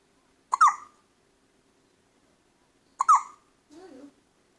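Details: Baby hiccups after a big feed: two squeaky infant hiccups about two and a half seconds apart, followed by soft fussing.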